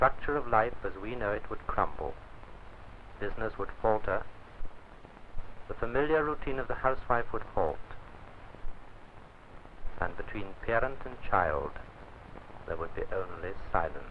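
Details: Adult male narrator, old film recording; typical speech.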